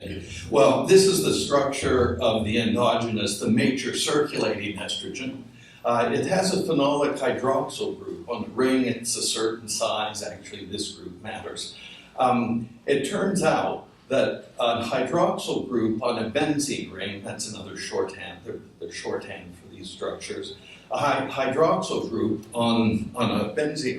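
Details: Adult man whose voice wavers from essential tremor, which also affects his hands and ended his surgical work; voice tremor (essential tremor).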